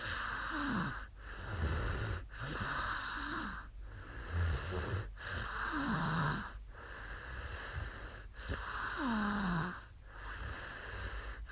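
Quiet sleep breathing with soft rattling snores and squeaky whistling noises, roughly every one and a half seconds, over steady room hiss.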